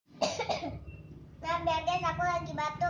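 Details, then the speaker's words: Single harsh, wet-sounding cough burst followed by a sustained high-pitched voiced sound, during a cough and cold. "Jadi kalau ada batuknya nggak apa-apa ya guys."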